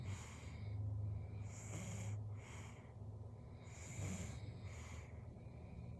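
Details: 7-month-old baby snoring while asleep in mother's arms: soft, snorting breathing sounds with a low rumble, repeating in cycles.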